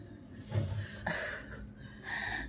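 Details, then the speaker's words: A male French bulldog that slept all night makes snorting, snuffling snores with noisy breaths while lying asleep; snoring. "oh laying down in Daddy's food and snoring was sleeping all night Macho watch I"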